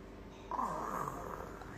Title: Qeenan niruin suara binatang dan ngorok 😂😂😘😘